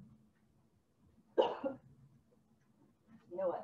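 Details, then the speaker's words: Weak cough in a person with C6-7 cervical spinal cord injury, asked to cough again: one soft, short cough with little force, then a faint second effort, from impaired abdominal and chest wall muscles. "i'm going to take a look at that respiration i'm going to ask you to cough pulp again"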